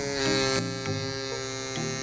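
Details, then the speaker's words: Microneedling pen tracing an abdominal surgical scar, moving about one inch per second: steady high electric buzz with fixed tone and brief pitch dips against skin. "again I'm still moving at about one inch per second"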